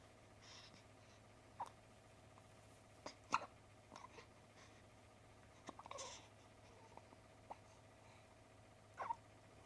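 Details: 1-week-old newborn boy's hiccups: soft, brief catches of breath recurring every second or two over a steady room hum.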